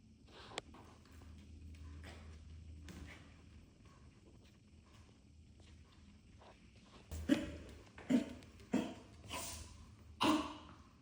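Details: A run of about four harsh, abrupt coughing bursts late in the clip from a dog, with quiet room noise before.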